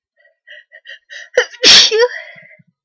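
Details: A few short breathy inhalations build up, then one loud explosive sneeze with a trailing voiced 'choo', reportedly provoked by sneezing powder.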